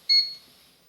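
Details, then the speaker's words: Breas Vivo 45 LS ventilator: a single short high-pitched electronic beep with a brief fading tail in a quiet room as the humidifier's on button is pressed, its normal power-on tone. "So to turn on the humidifier you simply hit the on button on the bottom right hand side of the humidifier and it turns it on"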